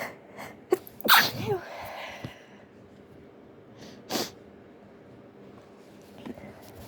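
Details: Person attempting to stifle sneezes: several short, partly stifled sneezes with sharp bursts and quick in-breaths in a quiet room; sneezing.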